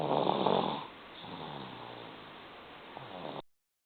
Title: snores